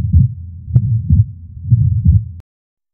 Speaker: Here we can appreciate a fixed and wide splitting of the second heart sound and a soft systolic ejection murmur caused by increased blood flow across the pulmonary valve.